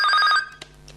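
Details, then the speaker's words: Loud, ringing electronic alarm tone that stops abruptly from a bedside bedwetting (enuresis) alarm during a demonstration of its volume control and sound settings. "so you could adjust the volume however loud the alarm is for the first few nights you do need to help the child to wake up"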